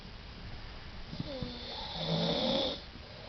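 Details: Sleeping adult man snoring on holiday: a few soft throaty sounds, then one loud, rough, rattling snore on an in-breath; his wife says he appears to stop breathing when she pinches his nose.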